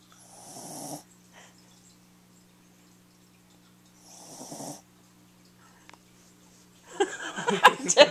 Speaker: oh she snored again it didn't take long she went right back to sleep